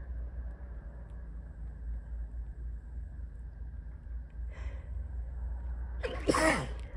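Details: Super sleepy sneeze while falling asleep: steady low room hum, a soft intake of breath, then one sharp explosive sneeze.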